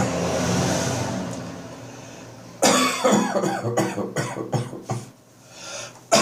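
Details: Dry morning cough after bronchitis: a quick burst of harsh, dry coughs in rapid succession with gagging sounds.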